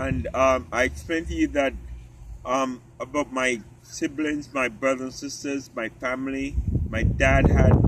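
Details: Adult man with genetic spinocerebellar ataxia type 3, inherited from his father; it affects his cerebellum, walking, talking and swallowing; he uses a wheelchair, and doctors expect eventual loss of speech; ataxic dysarthria.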